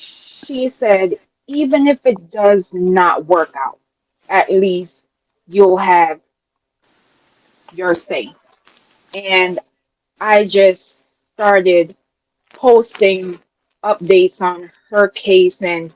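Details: Adult woman with a self-reported speech impediment she calls a "quote unquote disability" and says listeners can hear; speech impediment.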